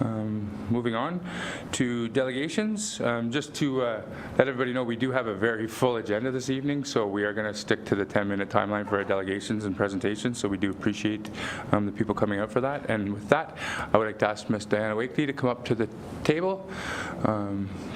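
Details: Adult male speaker; normal voice.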